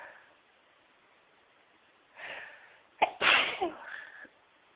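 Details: Sneezing toward the end of a cold: a soft in-breath, then one sharp explosive sneeze with a short tail in a quiet room.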